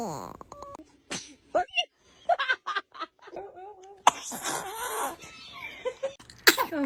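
Short sharp bursts of breath amid soft baby sounds and room noise, consistent with an infant sneezing.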